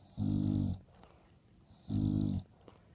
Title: 1 Day Old English Bulldog Puppies Nursing Snoring Mom